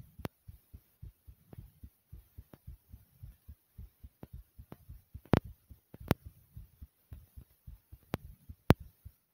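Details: Fast heartbeat after jumping in place for a few minutes to make the heart race: rapid, regular paired low thumps at roughly 120 beats a minute with a few sharp handling clicks; sinus tachycardia after exercise.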